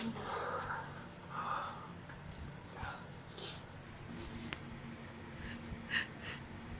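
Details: Female with allergies and an irritated nose, after a small amount of chhikni snuff: several short, muffled, suppressed sneezes with breathy inhalations between them, held back so neighbours wouldn't hear, in a quiet room; stifled allergic sneezing.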